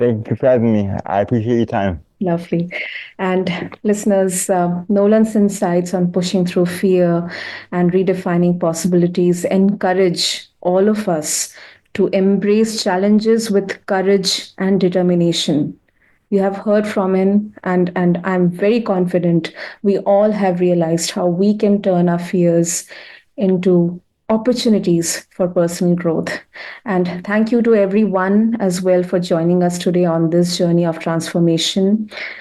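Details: Adult woman speaking; typical speech.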